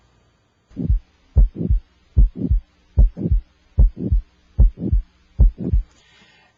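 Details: Regular paired lub-dub heart sounds at about 74 beats a minute, heard with an electronic stethoscope at the aortic area and timed against the radial pulse; quiet gaps, no murmur or extra sounds: normal heart sounds.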